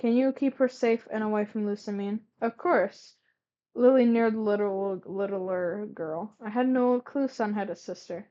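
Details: Stuttering while reading aloud when very tired, with a word repetition.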